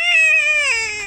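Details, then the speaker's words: Crying baby boy, whom the family wants to say "mama": a single clear, high-pitched wail falling in pitch at the end, an ordinary infant cry. "No, he looks so cute when he's crying. He looks so cute when he's crying."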